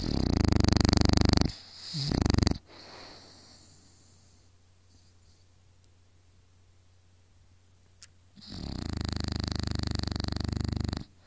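Loud rattling snores in two bursts with a long quiet pause between them, over a steady low room hum.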